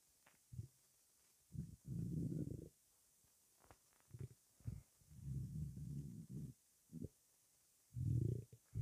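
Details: Stomach rumbling (borborygmi) after 23 hours without food: low gurgling rumbles in bursts of about a second, separated by short pops and quiet gaps.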